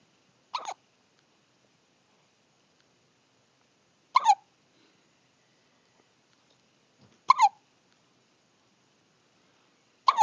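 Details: Hiccups in a small pet: four brief, sharp squeaky bursts about every three seconds in a quiet room, about 19 a minute.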